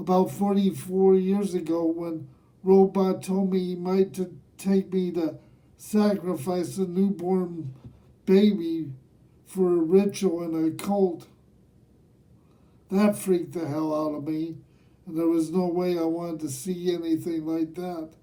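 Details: Dysarthria in a man aged nearly 67 who has lived with cerebral palsy, speaking himself.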